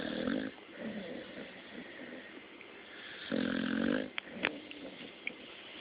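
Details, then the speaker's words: Dog snoring in sleep: nasal, fluttering snores with each breath and some whistling; ordinary snoring. "Boomer. Hello. You're snoring. You can go back to sleep."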